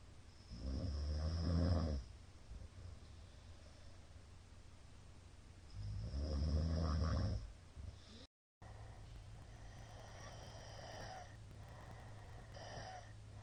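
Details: Middle-aged man's nightly snoring, recorded 2022-04-17, tagged apnea: loud, low, rattling snores with each inhalation, roughly 11 a minute, quieter breathing between; heavy snoring during sleep.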